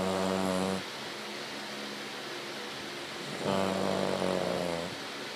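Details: Loud buzzing, rattly snoring on two breaths separated by a quieter pause from a sleeping 6-year-old Cavalier King Charles Spaniel that snores all the time.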